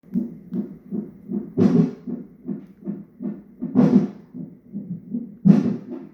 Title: 34 weeks Non-Stress Test...hiccups or baby is a drummer?